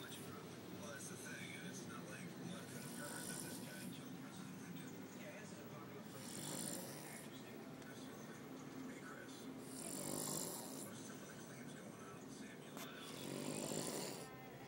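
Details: Man who claims he doesn't snore, asleep: slow, rough rattling breaths rising and falling at about four a minute over room noise; ordinary snoring.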